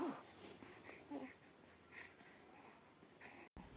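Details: Child with bronchopneumonia, breathing very difficult with snore-like "grok-grok" rattling sounds even when awake; laboured noisy breathing (dyspnoea).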